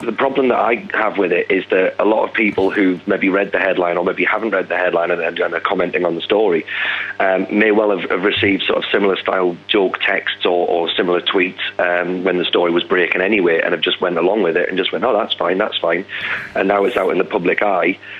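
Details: Adult man; normal speech.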